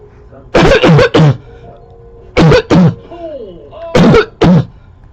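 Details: Seven harsh, loud cough bursts in three clusters with a deep, hollow bark, recorded close up in 2014 from a person with a long-standing recurring cough that neighbours notice; a barking cough.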